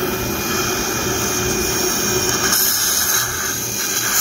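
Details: Live surgery placing pterygoid basal implants in the maxillary arch, drilling palatal to the sinus to about 12 mm: continuous loud high-pitched drill whine with suction-like hiss, as a dental handpiece drills bone for an implant.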